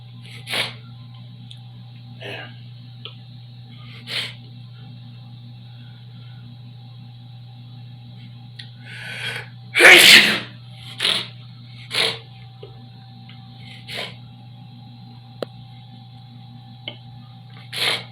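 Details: Repeated sneezing with heavy sprays in a bathroom: several sharp bursts in a quiet room with a steady hum, one loud forceful burst in the middle.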